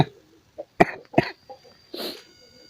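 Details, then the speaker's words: Three short, harsh cough bursts with softer throat catches between them, in a quiet small room, from a hoarse adult recovering from 2–3 days of cough and lost voice, triggered by talking while laughing: a cough. "Oke, hari ini wah, kok buat ngomong sambil tertawa kok jadi keluar batunya lagi ya. Tadi udah enggak batuk dari tadi."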